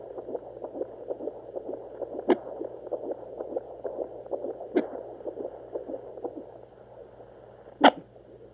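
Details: Fetal heartbeat on doppler at 32 weeks 1 day, baby with hiccups at 3am: rapid, soft, regular whooshing pulses at about 140 a minute, broken by three sharp louder thumps.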